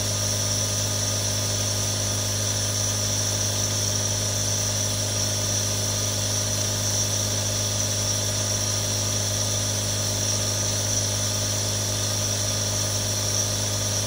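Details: Steady mechanical hum with low motor buzz and constant hissing airflow, unchanging throughout: one of three different nebulizers running, real recording.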